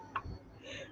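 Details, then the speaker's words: Hiccups in a one-week-old baby girl: a single soft, abrupt click-like hiccup over low background room noise. "Oh, y'all hear that hiccup? Oh, she just like hiccup, the little hiccups."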